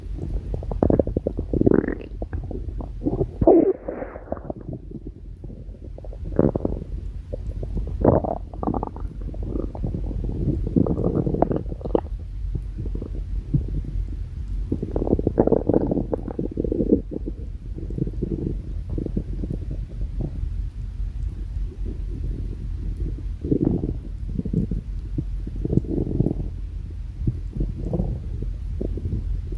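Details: Bowel sounds (borborygmi): repeated low gurgling and rumbling from the abdomen, stomach growling.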